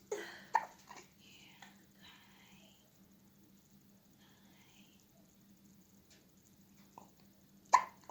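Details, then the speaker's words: Infant girl with hiccups, awake: sharp, brief gulping sounds near the start and again near the end, with quiet adult voices between. "Your Uncle Sean's gonna laugh at you when you get hiccups. You will. Yeah. But at the same time, they keep her awake."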